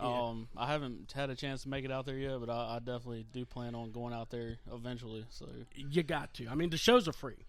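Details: Adult male speaker; Normal voice.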